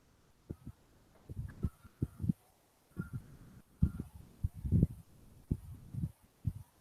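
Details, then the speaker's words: Teaching recording played in a cardiology seminar: low, muffled heart thumps with a soft rumbling between some beats, the low diastolic rumble of mitral stenosis. "so next we move on to the mitral uh stenosis heart"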